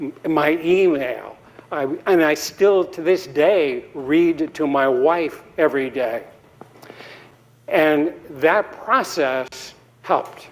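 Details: Adult man giving a TEDx talk at an earlier recovery stage, about five or six years before a later interview, with aphasia from a 2017 embolic stroke due to atrial fibrillation, still speaking poorly then; post-stroke aphasia.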